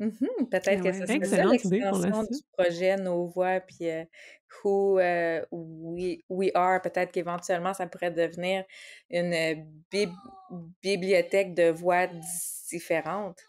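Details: Adult female speech-language pathologist who stutters, speaking Quebec French; stuttering.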